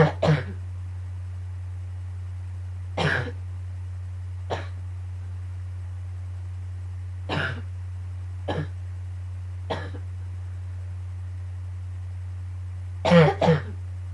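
Repeated harsh cough bursts, some in pairs, about nine over fourteen seconds, with a steady low hum behind: a morning coughing fit.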